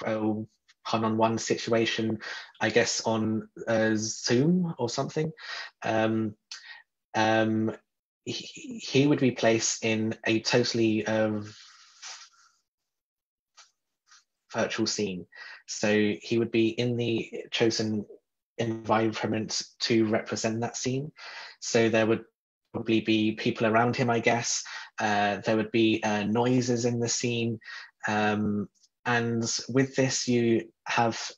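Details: Adult man who describes himself as a person who stutters, with fillers and a word repetition; stuttering.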